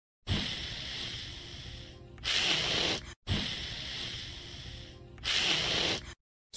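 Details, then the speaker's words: Stertor, demonstrated as an animation: low-pitched, harsh, turbulent noisy breathing repeating in two identical cycles, from partial airway obstruction proximal to the larynx. "is characterized by a low pitched harsh and turbulent sound that occurs during respiration it's typically caused by a partial obstructions located proximal to the larynx"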